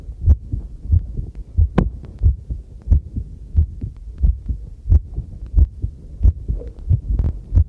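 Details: Own normal heartbeat recorded with a homemade field stethoscope microphone while doing housework: regular low thumping about 90 beats a minute, with tap water running and tableware clinking behind.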